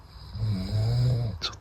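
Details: Roommate sleeping, snoring very loudly: a loud, low, rumbling snore on inhalation followed by a short snorting breath, making it hard for others to sleep.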